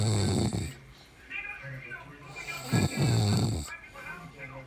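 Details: Woman caught sleeping, heavy snoring: loud, low, rattling snores with a snorting onset, separated by quieter breathing, with faint background sound.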